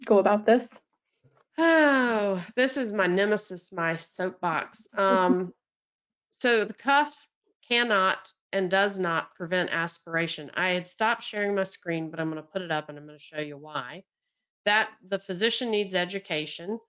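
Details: Adult woman speaking; normal speech.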